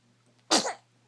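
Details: A small sneeze: a single short, sharp, airy burst over a faint steady background hum.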